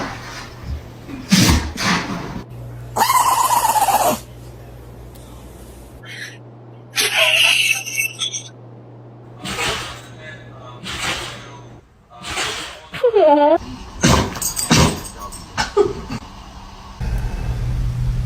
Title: how different dogs sneeze 🤧🐕